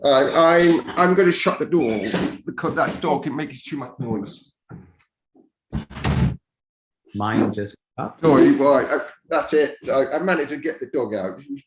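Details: Speech of an adult man deaf from birth, raised to speak rather than sign, who wore hearing aids for years and now uses a cochlear implant; deaf speech.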